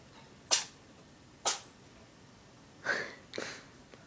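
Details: Cat with the sniffles: two sharp, hissing sneezes, then two snuffly snorting bursts. Cat sneezing.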